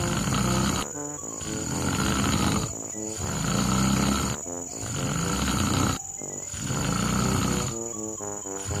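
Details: Snoring from a husband: repeated rumbling breaths, a few every several seconds, with background music and an insect-like chirping sound.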